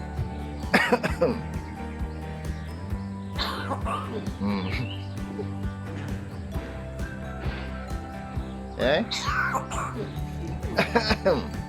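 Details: Pet Hill Myna kept by villagers in rural Kudat, Sabah, imitating a human cough, probably its owner's: about four short, harsh cough-like bursts over music.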